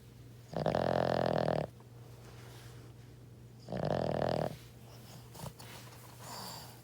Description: Recorded my dog snoring and made some sample instruments to make a loop, added some guitar as well.